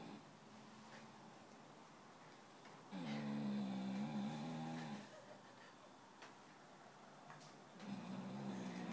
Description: My dog monty asleep on the sofa making so much noise we could hear him from the other side of the house